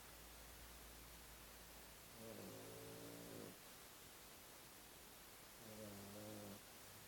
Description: After 2 hours of intense and intrepide game, the puppy sleeps... and snores.